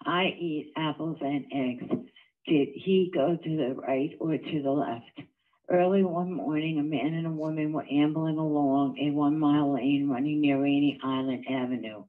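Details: Adductor spasmodic dysphonia (laryngeal dystonia): patient reading standard sentences before electrical stimulation in a study of treatment with an electrical neuromodulating implant.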